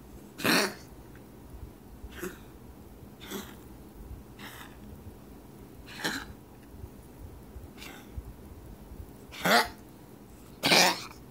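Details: Pet animal Toby coughing, recorded 9-24-2017: about eight short, harsh, breathy bursts over eleven seconds, some loud, some faint, in a quiet room; repeated cough.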